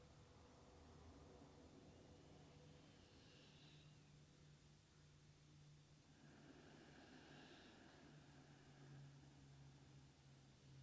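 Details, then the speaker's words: Faint, soft snoring breaths from a sleeping dog, about two slow cycles, under a steady low room hum. "if you can hear some snoring in the background it's my dog she's practicing her yoga breath"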